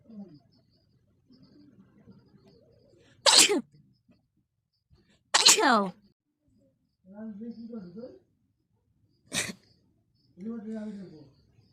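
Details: Sneezing: three sharp, explosive sneezes with soft voiced sounds between them; ordinary sneezing.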